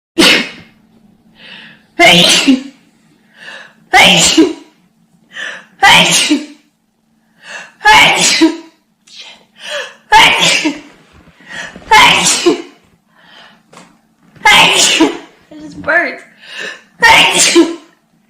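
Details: Rapid run of about nine forceful sneezes, each preceded by a quick inward breath: repeated sneezing.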